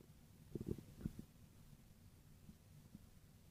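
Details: Stomach growling: a few low gurgling rumbles in a quiet room, then faint bubbling.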